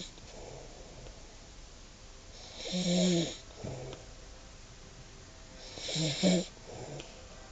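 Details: An adult asleep in bed mid-afternoon after a milky cup of tea, snoring: two rattling, snorting snores about three seconds apart, each followed by a softer out-breath, roughly twenty breaths a minute.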